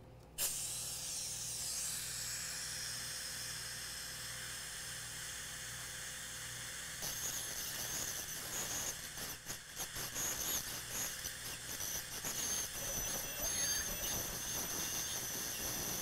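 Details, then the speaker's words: High hissing whine with water spray from a dental ultrasonic instrument locating and unroofing the MB2 canal orifice during live root canal treatment of tooth #14. "if you use sharp tip cutting devices for ultrasonics you'll make these little digs and you won't know if it's a canal orifice or a ding"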